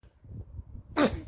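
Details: A single short, sharp sneeze from a baby after a soft breath in, with faint room noise, during play.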